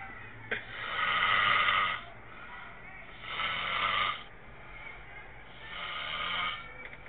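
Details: Snoring recorded on a mobile phone: three loud, rasping snores at a steady pace of about 23 breaths a minute, with quiet exhalations between them.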